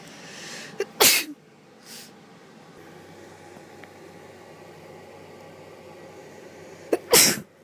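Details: Girl sneezing: two sharp, explosive sneezes about six seconds apart, each with a quick preceding intake, against quiet room noise.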